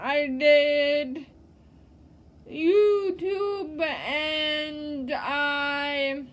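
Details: Woman who says she lives with cerebral palsy, with slow, drawn-out speech in a real, unscripted setting; no speech disorder is named; possible dysarthria in cerebral palsy.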